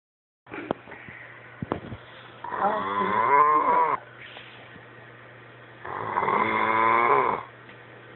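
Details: Two long, rough, rattling snoring breaths about three seconds apart with quiet pauses between, from a sleeping dog.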